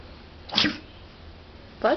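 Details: A single short, explosive sneeze, followed by the start of another noise, from a pug playing under a table during a sneezing attack; sneezing.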